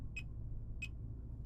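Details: Fingertip pulse oximeter beeping with each heartbeat during a side-by-side heart rate comparison with a realme Watch 5 smartwatch: short high beeps about every 0.63 seconds over low hum, roughly 95 a minute; readings 95–101.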